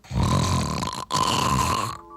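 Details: Adult man's real snoring, recorded as a sound effect for an advert before he used a CPAP machine; two loud, rough, vibrating snorts in quick succession with a brief break between.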